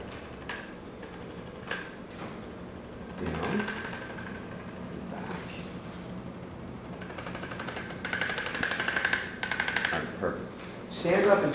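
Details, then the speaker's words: Second-visit chiropractic patient sitting up facing the charts: chiropractic adjusting instrument tapping in rapid bursts, about four pulses a second, along upper back and shoulders, over room noise. "uh sit up facing the charts with a muscular man we're gonna do some instrument work okay"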